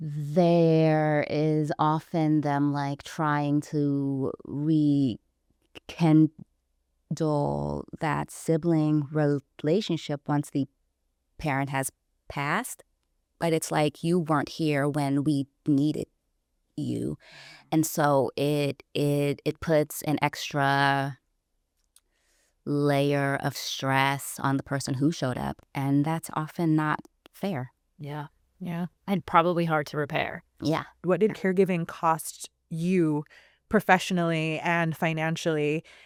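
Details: Adult woman who self-identifies as a person who stutters, recorded speaking in a real interview; stuttering.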